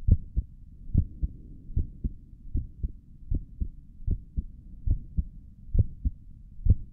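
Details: Own chest heartbeat via stethoscope for ASMR, stomach gurgles occurring in the recording: regular, clear, steady lub-dub about 69 beats a minute; normal heart sounds.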